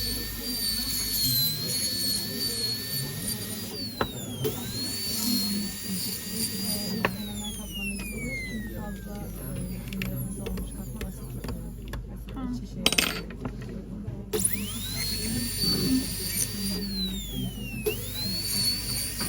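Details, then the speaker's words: High-pitched dental drill whine rising and falling as the bur engages and releases, over low room hum; removing previous composite and beveling surfaces before adding composite to close a diastema. "now I removed all the composite the previous composite mup composite and I did Bing Bing to the surfaces that I will add composite"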